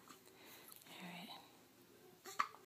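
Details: Newborn on her first day at home with hiccups: a quiet room with faint stirring, then one sharp, brief catch of breath.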